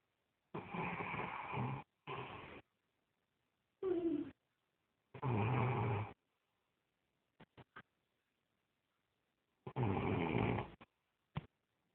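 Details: Adult man snoring loudly in sleep: rough, rattling breathing noises in bursts about 13 a minute, with quiet gaps between them.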